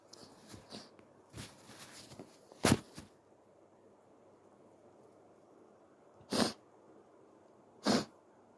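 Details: Person recording their own sneezes: several soft, snuffly false starts, then three small, sharp sneezes, the first unusual-sounding, ending with a small nose blow; tissue wiping noise on the phone.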